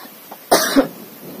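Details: A sick young son, whose doctor plans a blood test if the cough does not ease, gives a single short, harsh cough with a brief second push at the end, in a quiet indoor room.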